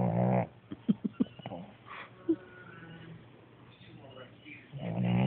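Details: Dog snoring: low, rattling snore-like breaths with soft snorts and whimpery noises between them.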